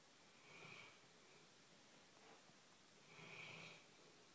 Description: My dog snores so load!!!